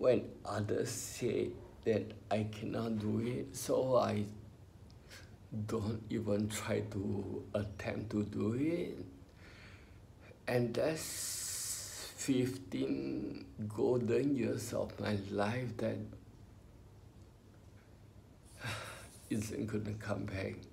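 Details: Adult man with spinocerebellar ataxia, diagnosed about 20 years earlier; has had speech therapy; ataxic dysarthria.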